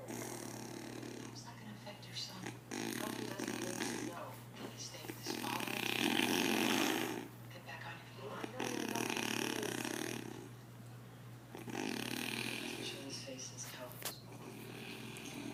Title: Proof That My Dad Snores